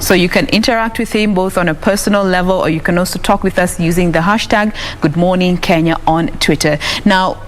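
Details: Adult woman; typical speech.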